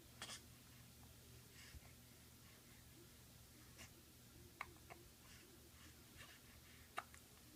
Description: has the hiccups! Nothing new haha